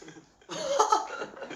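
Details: Member of K-pop group Enhypen during a live stream; a brief, noisy burst of air after a short pause, like a single cough or sneeze in a small room.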